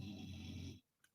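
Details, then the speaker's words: Loud snoring heard in the background during a live stream. "if you can hear snoring in the background she's snoring really loud"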